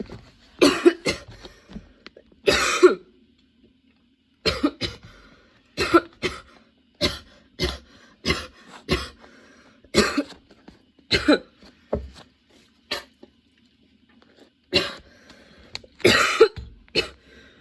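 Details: Sudden-onset, nonstop, worsening coughing fit bringing tears and frequent position changes: a long run of about twenty harsh cough bursts with brief pauses and throat clearing; a prolonged coughing fit.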